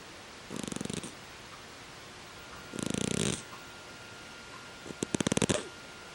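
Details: Sleeping pet lying on a warm heated throw, snoring with three short, rattling, fluttery snores a couple of seconds apart.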